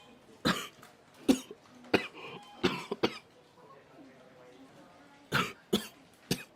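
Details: Japanese boy coughing: eight short, sharp coughs, some in pairs, with pauses between, in a small quiet room.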